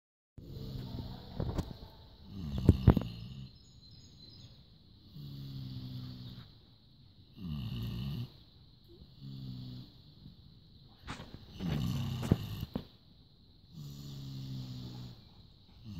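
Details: 18-year-old animal snoring: slow, regular rumbling snores on each breath in, about eight in sixteen seconds, separated by quiet pauses.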